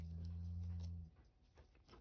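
A low, steady rumbling snore from a sleeping dog lasts about a second, then fades to quiet room noise.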